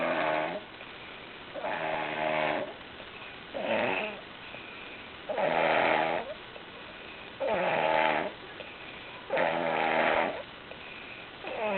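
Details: Snoring while sick, described as sounding like a chainsaw cutting wood: repeated buzzing, vibrating snores about every two seconds, roughly 29 per minute, with quiet gaps; snoring.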